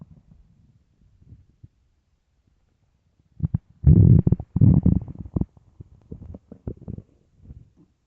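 Low, irregular gurgling rumbles from the belly, swelling and fading in bursts; ordinary stomach growling, as with hunger.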